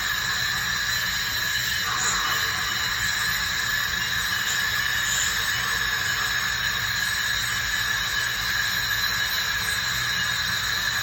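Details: Dental hygienist's ultrasonic scaler removing tartar and plaque during teeth cleaning of sensitive teeth: steady high-pitched whine with hiss throughout.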